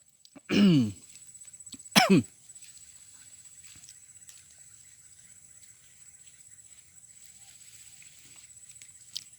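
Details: Man coughing while recording a goat-farming video after his throat suddenly itched: a voiced cough followed by a quick throat-clearing cough, then quiet.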